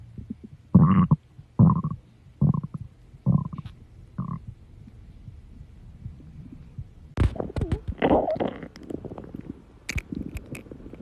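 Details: Stomach growling in a girl: several short low gurgling bursts, then a longer run of bubbling, squelching rumbles, ordinary gut sounds.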